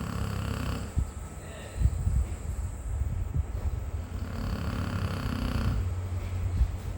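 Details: Pit bull dog snoring so loudly it was mistaken for people.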